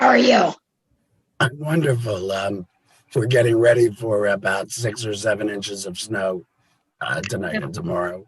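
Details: Adult with a total laryngectomy related to cancer who now helps other laryngectomees; voice method not stated; alaryngeal speech (laryngectomee).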